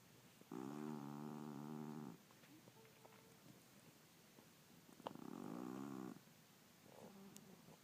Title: snoring